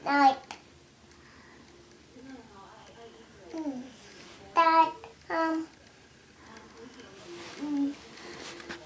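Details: Child with childhood apraxia of speech in conversational speech.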